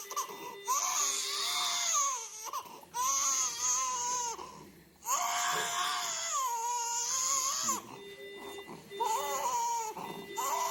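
An infant cries in repeated bursts with a muffled, thick quality and noisy in-breaths between cries. This is inspiratory stridor with a 'hot potato' voice, from laryngomalacia with a cyst at the base of the tongue pushing the epiglottis down.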